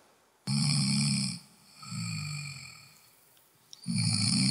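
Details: Regular snoring, played as the milder example in a discussion of obstructive sleep apnea, not the more pronounced snoring suggesting apnea: loud, rhythmic rattling snores evenly spaced with each breath in a quiet room.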